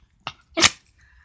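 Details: Dog sneezing during a sneeze attack: two quick, sharp nasal bursts, a small snort followed by a louder sneeze, in a quiet room.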